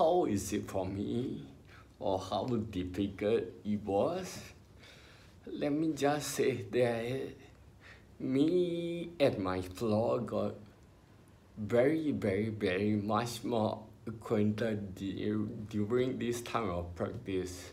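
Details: Adult man with spinocerebellar ataxia, diagnosed by a neurologist in his early twenties, about 20 years earlier; ataxic dysarthria.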